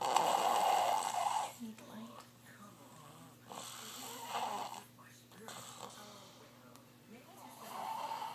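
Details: Loud snoring breaths every few seconds with quieter breathing between, over a faint steady room hum: snoring after a long day.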